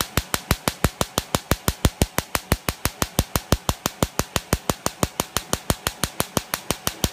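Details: Erbium laser removing a facial mole layer by layer under anesthesia, as part of a hybrid laser mole treatment: sharp, evenly spaced snapping pulses at about 90 per minute.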